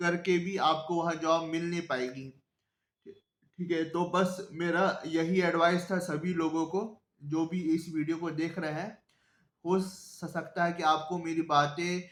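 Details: Adult man who self-identifies as a person who stammers, speaking Hindi; stuttering.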